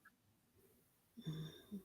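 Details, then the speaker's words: Wheezing: a short, low-pitched musical breath sound after a quiet pause, from an adult who hears themselves wheezing while chatting and mentions having to take fluid pills. "oh you see that Michelle goodness gracious my dog on lungs are we are wheezing here hearing myself"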